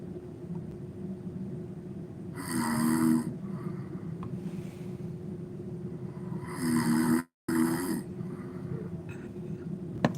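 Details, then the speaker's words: Woman snoring while asleep: two loud, rattling snores on inhalation about four seconds apart, over a steady low background hum. "Wait, hold on. You can't even hear it. She's snoring. She's snoring."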